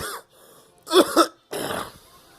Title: Girl coughing